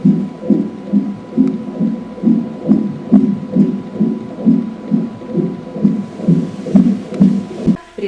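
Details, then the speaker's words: Fetal heart tones auscultated with a wide-bell obstetric stethoscope over the pregnant abdomen: rapid, regular, clear soft beats about 133 per minute, within normal 120–140; normal fetal heart sounds. "Частота ударов в норме колеблется от 120 до 140 в минуту. Сердцебиение должно быть ритмичным и ясным."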